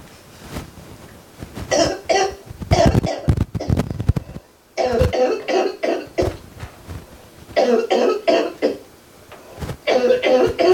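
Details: Clusters of harsh adult coughs in quick runs with breaths and pauses between bouts; unknown whether each cougher is actually sick or coughing voluntarily.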